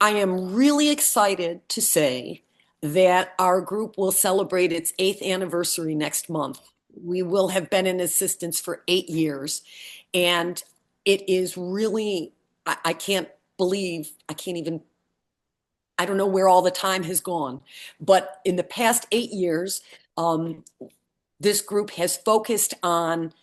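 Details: Support group member recovering from a brain injury, with aphasia. Finding: aphasia.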